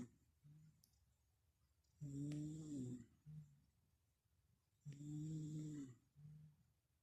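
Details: Sleeping pet snoring, lower-pitched than his usual high-pitched snore (owner suspects a blocked nose): a regular soft, buzzy snore on each breath in with a short puff out, about 20 breaths a minute, in a quiet room; snoring.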